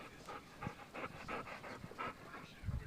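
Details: Rapid, rhythmic, breathy panting from a dog that had opened a cabinet to get food, ending with a low, throaty burp; panting.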